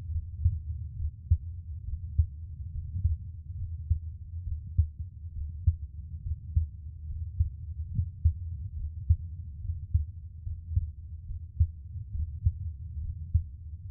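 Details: Adult man's own heartbeat recorded for ASMR relaxation: steady soft low thumps at about 70 beats a minute over a low hum; a normal resting heartbeat.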